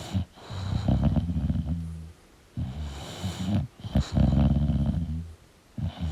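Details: Sleeping English Bulldog snoring: loud, low, rattling snore bursts separated by short quiet pauses; snoring.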